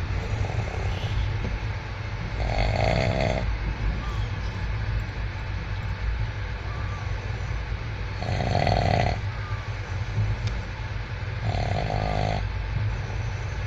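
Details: Man snoring while asleep on a train: loud rattling snores, four over about fourteen seconds, against steady train rumble.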